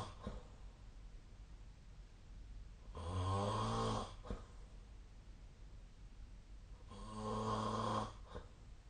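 Two loud, rough, rumbling snores about four seconds apart over quiet breathing, roughly 15 a minute; snoring during sleep.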